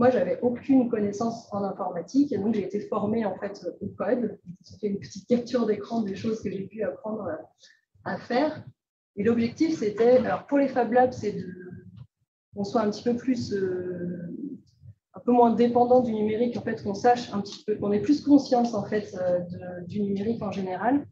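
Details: Adult woman speaking French; ordinary speech.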